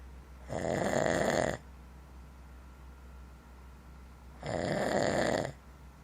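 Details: Two long, rough, rattling snoring breaths about four seconds apart over quiet room hum; snoring during sleep.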